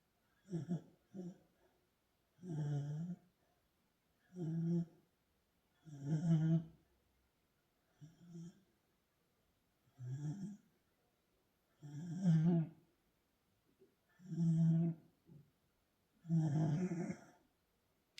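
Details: Welsh corgi dog snoring loudly: short, soft, snorting grunts with each breath in a quiet room, about 28 breaths a minute, uneven in length.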